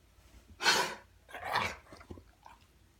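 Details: Cough.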